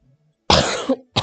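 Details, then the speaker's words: Adult recovering from COVID, now testing negative, with a lingering cough while talking during gaming; two harsh, forceful cough bursts in a quiet room, the first longer; post-COVID cough. "again I apologize for coughing a lot I had uh covered for a little while um I'm currently negative but the cough's still there and I hear it lasts a while"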